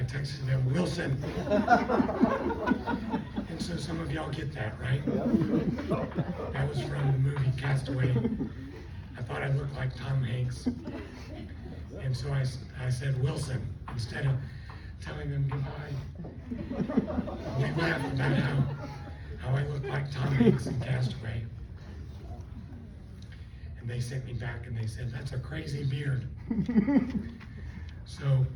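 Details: Adult after a left cerebellar stroke from a neck artery dissection, with the left vocal cord affected; the cords do not seal, so breaths are needed while talking; also lost swallowing function and was on a liquid diet for two months; dysphonia from unilateral vocal cord paralysis.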